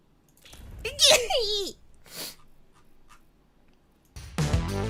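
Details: Sneeze from a young Japanese woman: a high, voiced sneeze with a rising and falling cry-like call, then quiet room noise and a burst of music.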